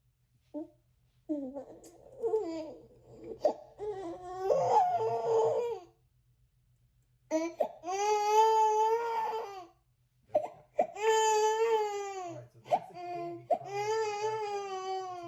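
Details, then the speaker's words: Recorded crying baby played at high volume through a speaker in a small room to test a headset's noise-canceling mic: loud, sustained infant wails with fussing sounds between them. "is what it would sound like you're using the poly Voyager surround 80 and there is a baby crying in the background"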